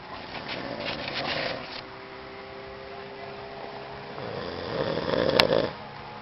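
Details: A father snoring during sleep: two rough, rattling breath noises a few seconds apart, with a quiet steady hum between them.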